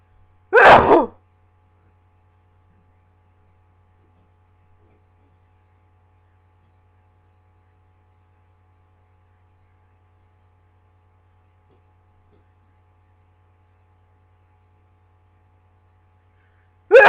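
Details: Adult with a cold, at work, during a sneezing fit: a single sharp sneeze, then long silence, with a second sneeze beginning right at the end.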